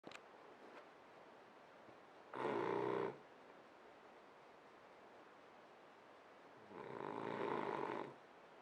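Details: Sleeping French bulldog snoring: two loud, rattling snores on breathing in, a few seconds apart, with quiet between.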